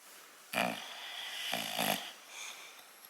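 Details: English Bulldog snoring while awake and relaxing, not asleep: harsh, rattling snorts, one short and one longer double burst, in a quiet room; noisy snoring-type breathing in a short-nosed dog.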